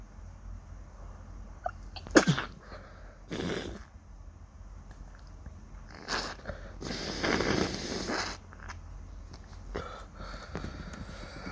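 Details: Morning sneezing after waking with a suddenly itchy nose: several sharp sneezes with quick inhalations before them, sniffing, and quiet room noise between.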